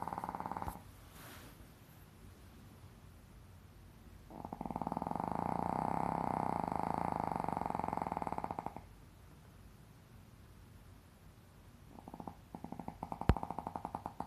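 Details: Sleep snoring: a long rattling snore builds and fades in a quiet room, with a shorter one at the end.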